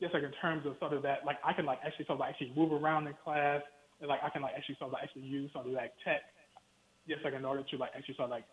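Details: Adult man with a lifelong stutter he has worked his whole life to overcome, which he calls his own brand of stutter; stuttering.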